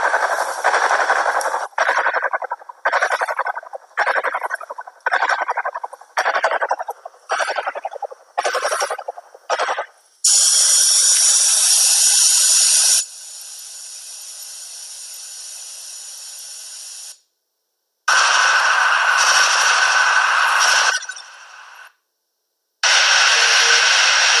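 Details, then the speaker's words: Simulated tinnitus audio: rapid pulsing chirps, then steady high hissing and ringing noise bursts; continuous ringing or noise perception in one or both ears. "so you can hear that there's really a wide range in one or both ears wide range it's this continuous ringing or noise perception that happens in the ear"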